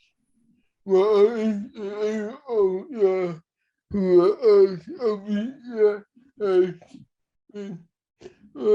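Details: Dysarthria in cerebral palsy: male host with cerebral palsy.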